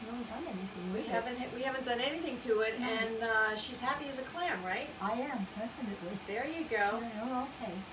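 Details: Adult woman; Typical speech.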